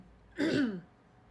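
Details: A single brief, voiced throat clear from an adult, demonstrating habitual throat clearing in singers that can irritate the throat and prompt further clearing.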